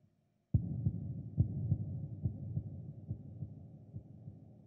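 Dull low thumps about 70 a minute, fading slowly under a hum; a produced heartbeat sound effect.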